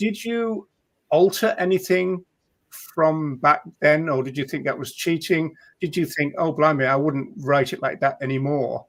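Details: Adult speaker; normal speech.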